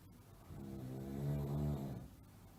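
A single low, droning snore of about a second and a half that rises and fades, over a noisy recording.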